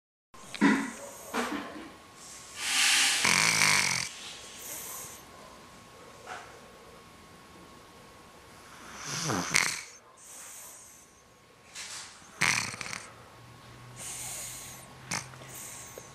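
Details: Snoring during a cold in a male: irregular noisy breathing with hissy, rattling bursts separated by quiet pauses.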